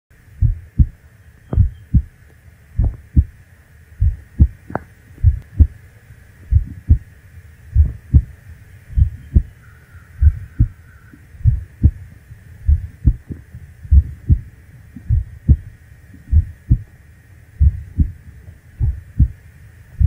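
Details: Recording of one's own heartbeat: slow, steady paired lub-dub thumps at about 49 beats per minute; normal heartbeat.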